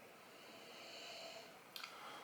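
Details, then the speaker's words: A sleeping dog in a small room makes faint, soft nasal breathing with a brief snort near the end: quiet background snoring. "apologies if you can hear snoring in the background the the dog has decided to fall asleep"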